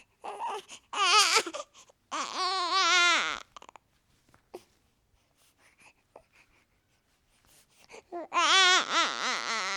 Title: New Born Baby Crying | Sound Effects | Days Baby Boy Crying Sounds | Cute Baby Boy | Free Sounds